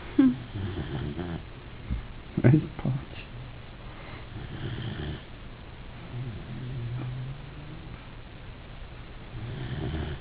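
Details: Weimaraner dog asleep: low, buzzing rumbles rising and fading in loose, uneven cycles with a few louder snorts against quiet room noise; canine snoring.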